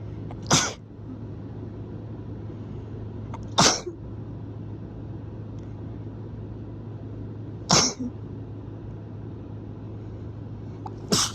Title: Strong rapid sneezes messy nose blow